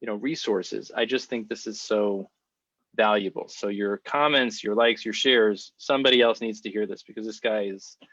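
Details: Adult male speaker; typical speech.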